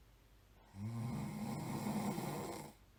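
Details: A single low, rattling snore of about two seconds on an inward breath, amid quiet room noise; snoring from a nighttime sound-effect recording.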